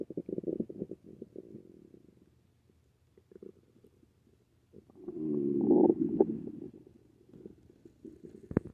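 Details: Loud, frequent gurgling and rumbling bowel sounds with a long churning surge after taking magnesium citrate: hyperactive bowel sounds.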